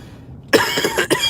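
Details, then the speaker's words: Quiet room, then a burst of about three harsh coughs in quick succession from an adult man who describes himself as getting no exercise. He jokingly calls it the sound of perfect health. "And that's the sound of health right there. That cough is the sound of perfect health."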